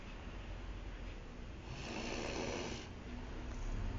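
Low rough rattling snore on inhalation over steady room noise, typical ordinary snoring.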